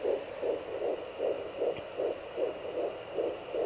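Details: Home fetal Doppler at 13 weeks 5 days of pregnancy, with the baby thought to be moving and kicking: fast, regular whooshing beats at about 150 a minute with a brief thump and movement noise. A normal fetal heartbeat.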